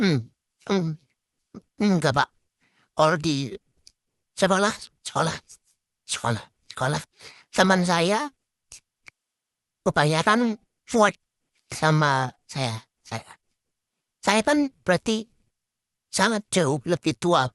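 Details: Acted role-play: young man, a former college student, with social anxiety disorder and echolalia, speaking Indonesian in a psychologist consultation; echolalia.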